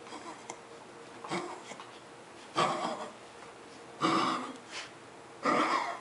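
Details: Dog on day 3 of coughing and vomiting clear fluid gives a series of harsh, hacking coughs with retching, each burst separated by quiet pauses; coughing and retching.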